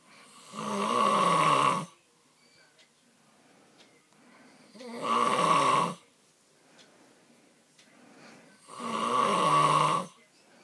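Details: Loud, harsh, rasping snores on each in-breath, about 15 breaths a minute, with quiet out-breaths between them. An adult man snores constantly and heavily all night.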